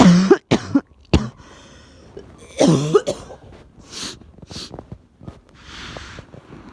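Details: Person coming down with a cold who also had a nosebleed: several loud, harsh cough bursts and throat clearing, then quieter breathing and sniffing. Cough.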